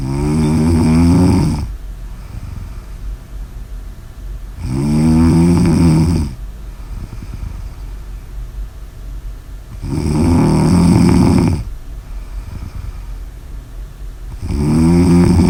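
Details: Loud, rattling snores at a slow, fairly regular pace of about 13 breaths a minute, with quieter breathing between; snoring.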